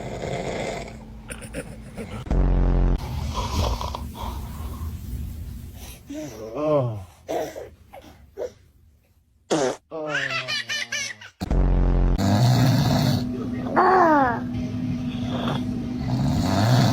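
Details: Father snoring too loudly: loud, rough snoring with a few snorts and throaty breaths between, over room noise and brief laughter. Snoring.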